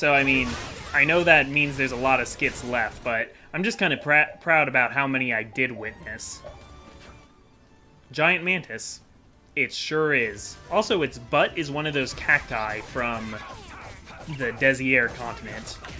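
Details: Adult male who says he stutters a lot and has a speech impediment, worse when making things up on the spot, in unscripted gaming commentary; stuttering.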